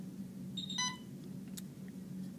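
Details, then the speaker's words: Alaris IV infusion pump just switched on: a brief two-part electronic beep over low room hum signalling its start-up self-check is finished; infusion pump self-check beep. "once you have pressed it it's going to do a self check so you have to kind of let it set for a minute and it'll um beep when it's"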